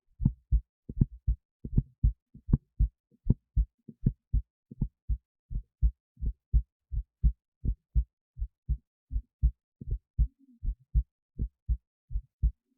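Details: Own heartbeat recorded via esophageal stethoscope resting near the heart, with EKG: clear paired lub-dub thumps about 80 a minute; normal heart sounds.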